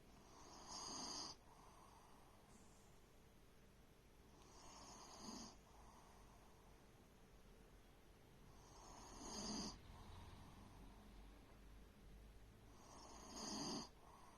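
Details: Adopted shelter animal asleep, snoring softly and regularly at about 14 breaths a minute with a gentle rasp on each breath; snoring.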